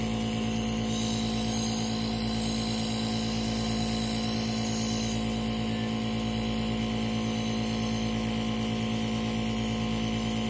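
Steady motor hum with a fast, even mechanical pulsing from a nebulizer compressor running during a breathing treatment.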